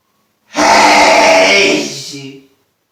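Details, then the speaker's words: Adult man sneezing deliberately after sniffing pepper, on a day of heavy sneezing with a sore throat: one loud, drawn-out voiced sneeze lasting about two seconds, trailing off into a groan. "oh see what it does to me but i had a good request for my number one fan to do this that was a lot of sneezing"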